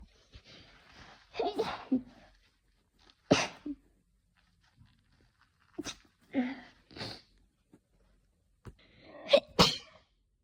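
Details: Hay fever sneezing fit on waking, not sick: a run of sharp, dry, itchy, rapid sneezes, several with audible in-breaths, some into a tissue but mostly covered by hand, in a quiet room.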